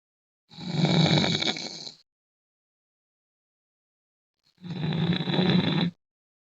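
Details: Person heavily snoring: two long, rough, rumbling, loud low-pitched breath sounds about four seconds apart.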